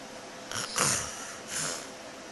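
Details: A person whose partner says they snore: a couple of harsh, noisy snorting breaths during sleep; snoring.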